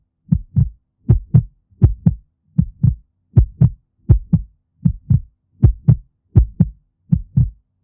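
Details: Mother dog's heartbeat, steady soft lub-dub at about 76 beats per minute, calm resting rhythm; normal heartbeat.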